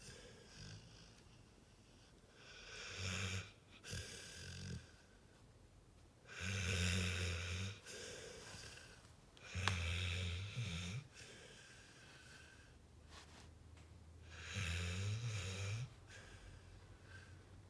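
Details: Sleeping pit bull: four rough, rattling snores with quiet pauses between; ordinary snoring.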